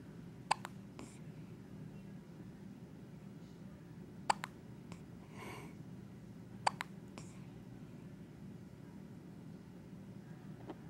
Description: Baby with hiccups.